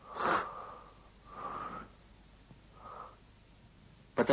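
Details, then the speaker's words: Lung auscultation over the larynx and trachea: harsh, loud laryngotracheal breathing from air passing the glottis, coarser timbre, hollow tone on inspiration and expiration; laryngotracheal (bronchial) breath sounds. "над гортани и трахеи выслушивается для ринга trofeo льна и дыхание возникающие при прохождение воздуха через голосовую щель она отличается более грубым тембром и напоминает звук"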